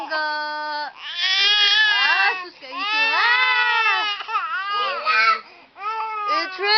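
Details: 10-month-old baby girl crying: sustained, loud, high-pitched crying in long wailing bouts with brief breaths between; ordinary infant crying.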